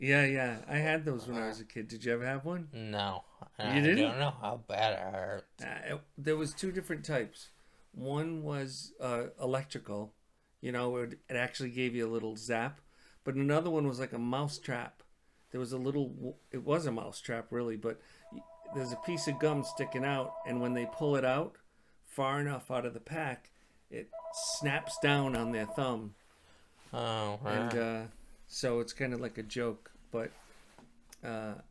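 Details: Adult men in conversation; normal conversational speech.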